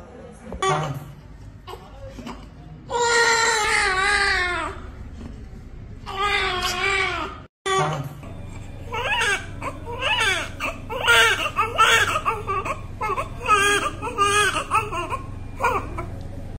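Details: Vigorous newborn crying just after a normal delivery at 6:32 a.m.: strong, rising and falling cries in repeated bursts with short catch breaths and some background talk. Amniotic fluid was clear and the baby was large. A normal vigorous newborn cry.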